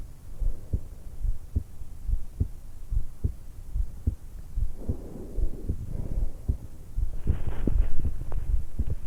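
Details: 20-year-old woman just after waking, lying supine in bed, stethoscope microphone on the suprasternal notch at the base of the throat: steady paired heart sounds about 72/min with soft airy breath sounds; normal resting heart and breath sounds.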